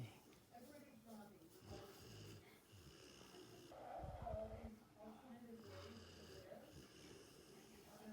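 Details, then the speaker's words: Snoring from a pet dog that has just lain down on his couch to rest: repeated low, rumbling, fluttering breaths with soft snorty bursts over faint room noise. "He plopped down on his couch and he is snoring right now. How does the dog do that?"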